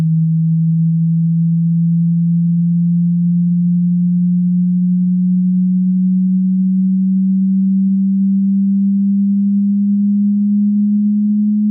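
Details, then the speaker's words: A steady pure low tone rising slowly in pitch over about twelve seconds: the start of an online hearing test frequency sweep running from 80 Hz up to 18 kHz. "the test will start at 80 Hertz and will slowly increase all the way up to 18 kilohertz"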